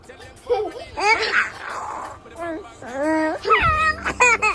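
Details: Toddler's short crying wails alternating with laughter, reportedly laughing around sneezes, faint background music; infant cry.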